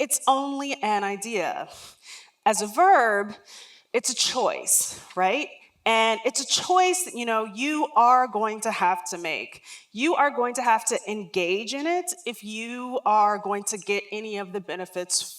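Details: Real lifelong stuttering in an adult woman who refers to herself as a person who stutters.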